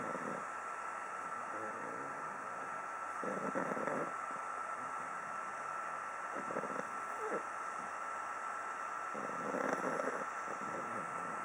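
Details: Soft, raspy snoring bursts recurring every few seconds over a steady hum from a sleeping pug, typical of a flat-faced dog.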